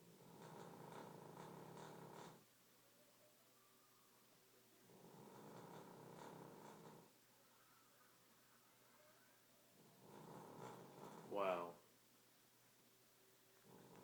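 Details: Dog snoring, owner wonders about canine sleep apnea: soft, buzzing, rhythmic breathing in three long cycles about every four seconds, roughly 15 breaths a minute; gentle snoring.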